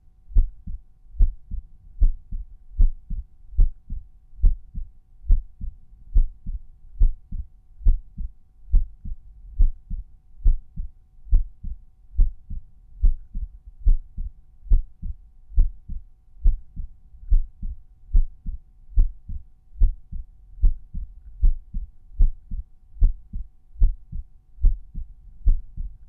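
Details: Regular lub-dub resting heartbeat at about 70 beats a minute at the tricuspid area, with the volume normalized for this point; normal heart sounds.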